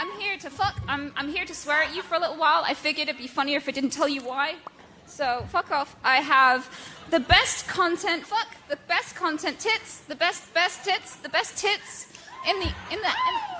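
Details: Adult woman with Tourette syndrome; involuntary shouted swear words and phrases interrupt her sentence; vocal tics with coprolalia.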